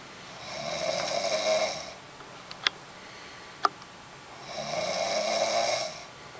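Two loud, rattling snores on the in-breath with quiet breathing and faint clicks between them; ordinary snoring.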